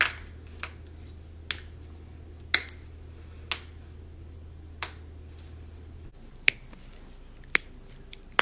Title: cracking knuckles #shorts